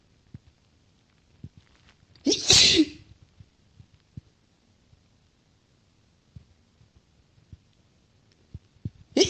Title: more chhinkni sneezes